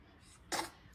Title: Newborn sneezing 🤧🥰